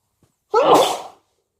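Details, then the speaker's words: Person with a cold saying they need to sneeze, a short breath in, then a single loud, explosive sneeze. "Bless me. And sneeze. And I need to sneeze."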